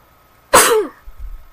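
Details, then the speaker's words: Young woman giving one sudden, sharp sneeze that trails off into a short, falling voiced sound; she had been yawning a lot the week before and is now sneezing. "last week it was yawning and now it's sneezing my body"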